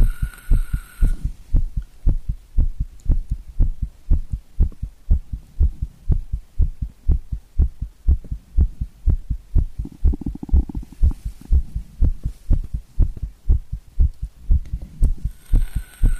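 Strong, regular low thumps at about 120 beats a minute with a steady hum behind them; a fast, forceful heartbeat.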